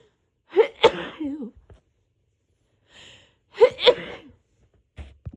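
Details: Two forceful, induced sneezes, each preceded by a quick gasping breath, in a quiet room, from a person recovering from a cold with an itchy nose and a hoarse voice; sneezing.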